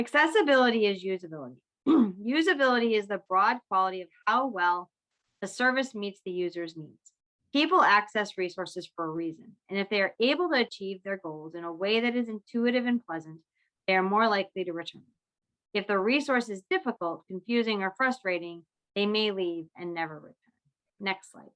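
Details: Adult woman; typical speech.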